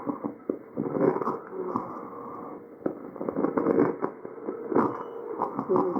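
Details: Cough recorded over the trachea: muffled cough bursts with rattling, crackling breath noise between them, tracheal crackles/rhonchi.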